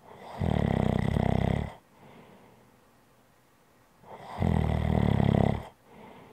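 Two loud, rough snores on the in-breath, each followed by a softer out-breath, about one cycle every four seconds; snoring.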